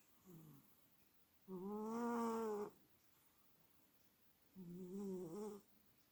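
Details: Sleeping cat snoring: soft, tonal snores in slow, uneven cycles, quiet room between breaths.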